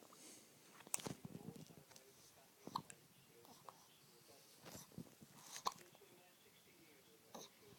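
Four sharp, brief hiccup clicks at irregular intervals from an infant, with soft breathing and small mouth sounds between them in a quiet room.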